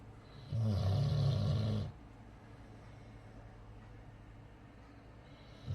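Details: Snoring Ambull dog: one deep, rattling, low-pitched snore lasting over a second, then quiet breathing; typical snoring that sounds human-like.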